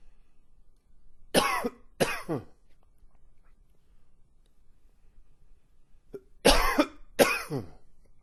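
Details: Old recording of a long, wheezy cough with a few gags: two pairs of harsh, forceful coughs separated by quiet pauses, with a raspy, wheezy tail on each burst.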